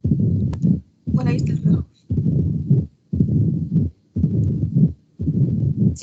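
Regular heartbeat near 58 a minute, each beat followed by a long, low rumbling murmur; the diastolic rumble of mitral stenosis.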